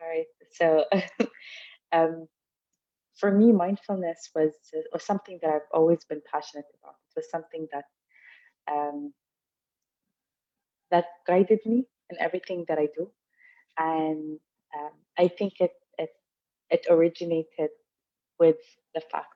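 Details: Adult woman from Dubai who stutters and represents people who stutter in the UAE; stuttering.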